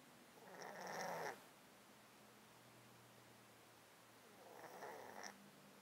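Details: Close-up mic recording of a cat sleeping in a box, with a 13-year underlying disease causing constant snottiness and sneezing: two slow, noisy breaths with a wet, snuffly nasal rasp. Congested breathing.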